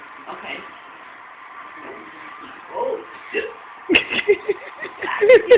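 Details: A woman with hiccups: several short, abrupt voiced catches in a quiet room, with faint talk and laughter in the background.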